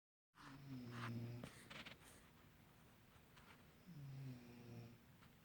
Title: Who is that snoring?